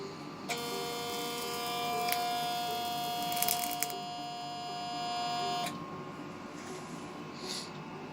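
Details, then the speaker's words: Steady electronic tone with a faint buzz for about five seconds, stopping abruptly: a 400 W Monoseal Prime vessel sealer in seal mode at level two, shutting off automatically when the tissue is sealed. "when the tissue is sealed the machine whe automatically goes off"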